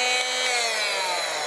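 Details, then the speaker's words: Cast removal on a child: an oscillating electric cast saw cutting through the cast gives a loud, high, steady buzzing whine whose pitch slowly falls as the blade loads. "we took our electric saw which we show her again that it doesn't make any not making like this pushing i'm pushing out pushing in pushing out"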